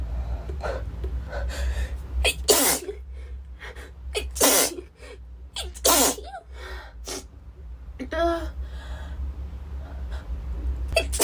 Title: Girl sneezing 15